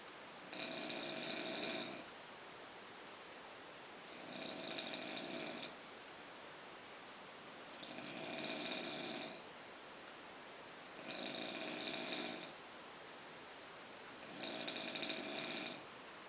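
Five rasping, rattling snores at a steady pace, about 18 a minute, with quiet pauses between them: snoring during sleep.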